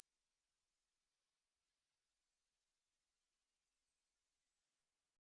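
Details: Steady, very high-pitched pure tone rising slightly over about five seconds, then stopping; a simulated hearing-test tone.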